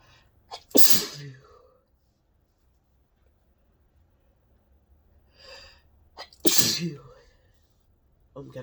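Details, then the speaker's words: Two sharp, explosive sneezes, each after a quick indrawn breath, in a run of repeated doubles induced by a nasal spray; the person is unsure whether it is sensitivity or allergy. "so many doubles ow oh my God I don't know how many gone times have sneezed so far"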